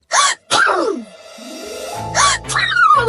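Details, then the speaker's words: Acted cartoon sneezes (The Amazing World of Gumball; character thinks he is allergic to something): two sharp, voiced sneeze bursts with a held tone and music between; sneezing. "Dude, I think I'm allergic to something."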